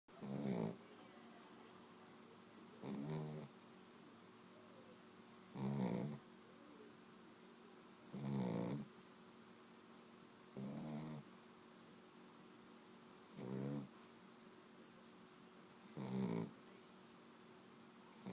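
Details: Sleeping pet dog described by its owner as a Peki, nicknamed Wookie: seven regular rumbling snores, about 23 a minute, over a steady low hum; snoring during sleep.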